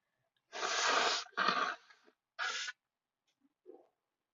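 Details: A person at a desk ends a desperate sneezing fit with three hissing, forceful sneezes in quick succession, then a soft exhaled breath of relief.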